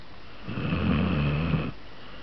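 One low, rumbling snore of about a second on a breath in; ordinary snoring.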